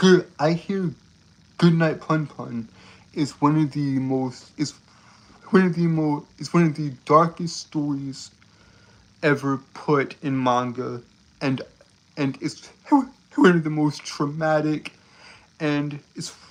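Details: Adult male streamer with a self-described speech impediment causing stuttering and tripping over words; stuttering.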